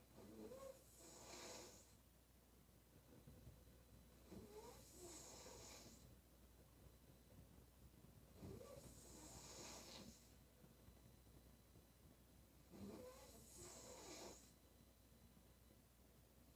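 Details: Woman snoring during sleep: loud, rough snores with noisy breaths between, four snoring breaths over about 16 seconds, roughly 15 a minute; heavy snoring.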